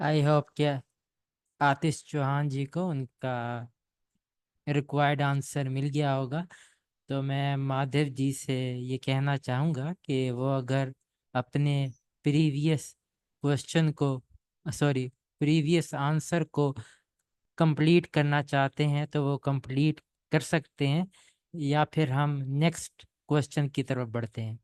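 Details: Adult male speaker; typical speech.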